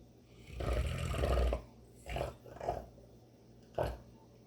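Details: Pet, probably a dog, snoring loudly while asleep during the day: three rough, rumbling, low snoring breaths with long gaps between them.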